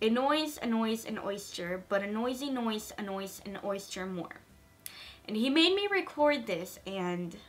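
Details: Woman with a lisp reciting a practice phrase that her speech helper had her pronounce and record; lisp.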